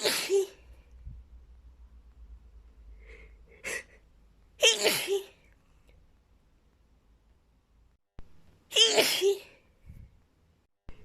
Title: lots of girly sneezes